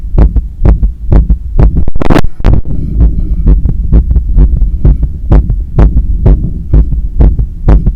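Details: Loud, pounding heartbeat at about 125 beats a minute with heavy breathing, recorded right after running 10 km and climbing 15 floors of stairs; heart visibly hammering; rapid forceful heartbeat after exercise.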